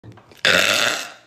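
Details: A girl's single loud, rough burp lasting just under a second, rising abruptly and fading out, from a burp compilation.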